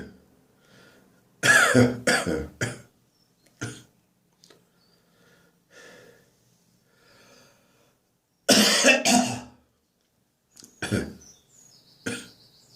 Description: My throat infection has given me a dry, slightly painful cough. Enjoy!